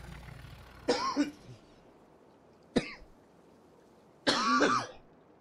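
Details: Three separate cough bursts with quiet gaps and faint background noise, from a gaming commentator who is unwell and coughing repeatedly while recording gameplay; an ordinary cough.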